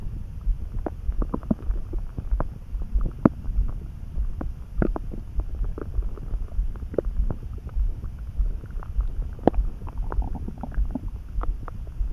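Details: Person's stomach rumbling suddenly while neither hungry nor too full, felt in the pit of the gut and easing with a snack: low continuous rumbling with small pops and gurgles; ordinary bowel sounds (borborygmi).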